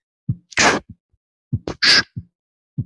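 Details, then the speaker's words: Beatboxed imitation of a systolic murmur: lub-dub heart sounds with a hissing whoosh added between S1 and S2, during ventricular contraction; systolic ejection murmur (imitated). "your murmur that happens between S1 and S2 is gonna be a systolic merb so we're gonna do that labda labda lubbed up and we're going to add a murmur right between that"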